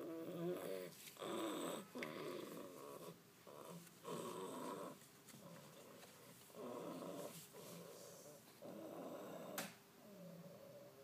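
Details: Pet cat snoring while asleep: soft, rattling breath noises repeating every one to two seconds in a quiet room.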